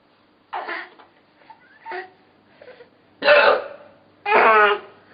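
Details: Mother's hiccups: about five sharp, abrupt voiced gulps in five seconds, irregularly spaced.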